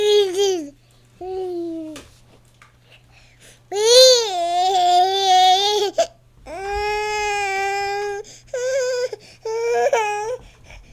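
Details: Repeated wailing cry bursts with breaths between, in a small room; ordinary infant crying.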